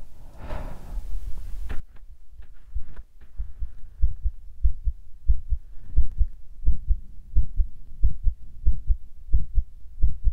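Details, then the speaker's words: Carotid pulse heard at the neck of the person recording, regular low thumps about 87 per minute, which they describe as unexpectedly fast; brief handling noise first. "sorry if my heartbeat is fast, because I don't know why it's beating fast."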